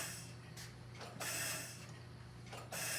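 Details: Mechanical hiss and clunk repeating each cycle as the bellows of a Mallard 2800 anesthesia ventilator push down and refill; inspiratory time set to 0.1–0.3 seconds, delivering about 2–3 liters.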